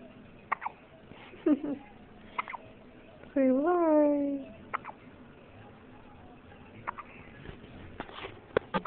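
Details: Hiccups: several brief, sharp hiccup sounds at irregular intervals, with a short voiced whine partway through, in a quiet room.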